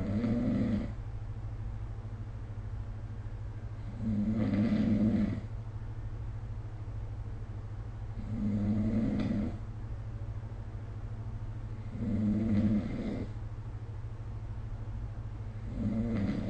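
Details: Adult snoring during sleep, recorded with the SnoreLab app: loud, low, rattling snores repeating steadily about every four seconds, roughly 15 a minute, over a constant background hum.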